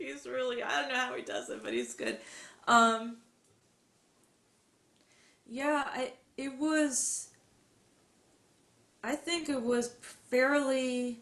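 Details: Adult woman who stutters, recalling high school speeches; stuttering.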